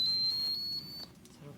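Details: A single high, steady beep lasting about a second as an enteral feeding pump powers on during setup for a J-tube feed.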